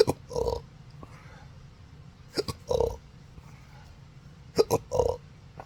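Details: Three clusters of sharp throat clicks, each running into a voiced burp, in an adult with hiccups since December 2015 after surgery causing nerve damage, including the pudendal nerve; intractable hiccups with belching.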